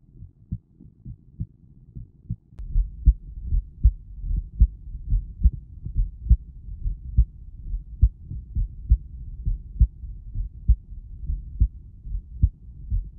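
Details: Recorded heartbeat: steady, low thudding at about 68 beats a minute with a soft background hum.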